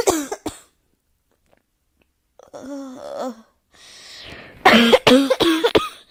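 Two sharp coughs, a pause, voiced throaty sounds, then a burst of about four rapid coughs; a plain repeated cough.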